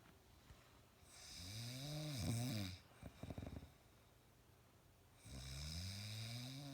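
Loud, rough, rattling snores on the in-breath, separated by quiet breathing out; heavy snoring.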